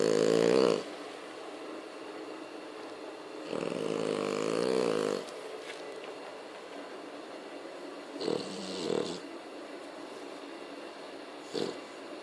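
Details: French Bulldog snoring very loudly during sleep: loud, rough snoring noises recurring at irregular intervals; snoring.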